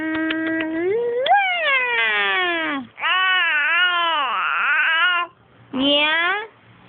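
Long, loud, tonal infant wails in repeated cries separated by brief pauses for breath: sustained infant crying.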